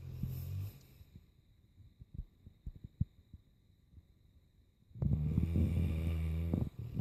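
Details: Dog (Ozzy) in a deep sleep, snoring away: low rumbling snores at the start and end with soft clicks and rustling between.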